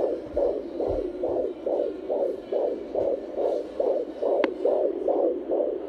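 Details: Home Doppler on a pregnant mother, baby girl: rapid, even whooshing fetal heartbeat about 135 a minute, normal fetal heart rate.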